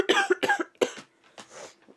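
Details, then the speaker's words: Coughing while sick with a stuffed-up cold: three short, harsh cough bursts in quick succession, then a softer breathy cough. "well with me being sick if I'm coughing a lot he will like lay his body on me or lay his head across my"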